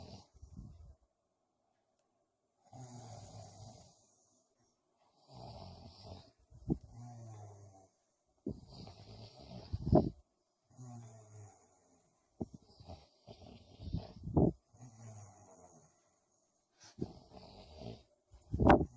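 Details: Loud, rough snoring on each in-breath, with snorts and uneven spacing, about 14 breaths a minute, from a sleeping man, the recorder's brother or boyfriend; snoring.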